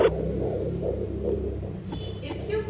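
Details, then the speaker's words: Normal fetal heartbeat on handheld Doppler, probe with ultrasound gel on the mother's belly over the baby's back: fast rhythmic galloping-horse whooshing thumps over Doppler hum, near 140 beats a minute. "you find the sound like a galloping horse, it usually fast rhythm, that is the heartbeat sound."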